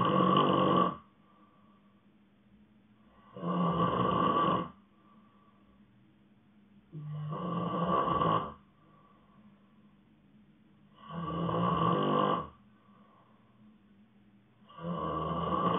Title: Snoring sleep ASMR